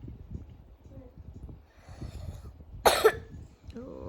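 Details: Child with lingering slight cough: single short, loud cough, soft room noise, brief child's voice afterward.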